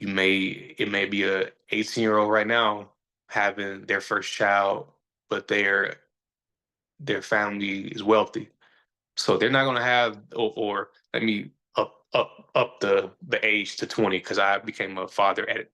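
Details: Stuttering in an adult male DJ and host who says he stutters and that everybody sees or hears it.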